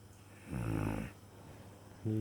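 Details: A loud, low rumbling snore on the in-breath with a fluttering quality, then a quieter pause before the next snore; snoring.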